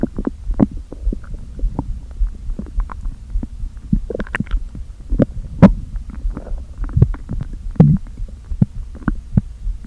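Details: Stomach growling (borborygmi) after a full day without eating, stomach deliberately inflated with air: low hollow rumbling, irregular gurgles and short squelching pops as air shifts back and forth through the gut.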